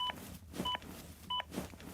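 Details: ZOLL AED Plus with Real CPR Help feedback during CPR: regular electronic metronome beeps at about 100 per minute, with soft thuds of chest compressions between them; compressions should reach at least 5 cm depth.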